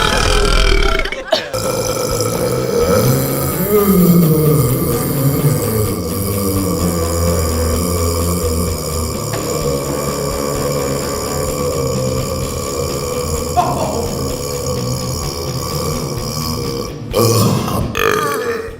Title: burping compilation